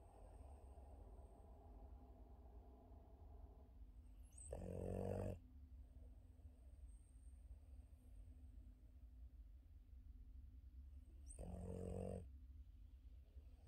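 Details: Two loud rasping snores about seven seconds apart over a steady low rumble of breathing, from Yoda, a Boston terrier deep asleep on his back.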